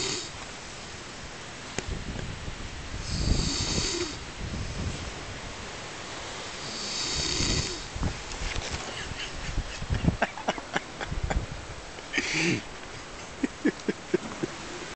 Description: My mate does snore,he doesnt think so